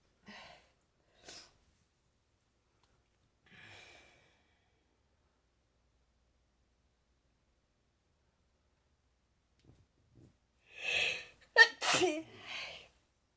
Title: Allergic sneeze attack in the morning